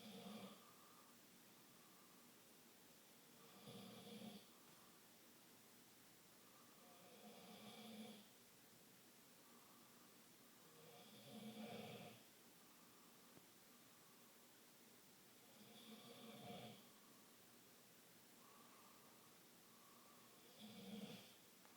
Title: Jello snoring